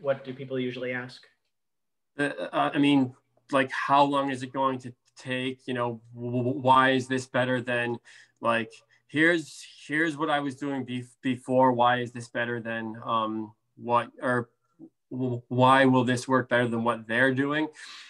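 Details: Speech of an adult male speech-language pathologist who stutters, with blocks, prolongations and sound repetitions; stuttering.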